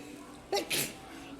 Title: Short video sneezing in the store 2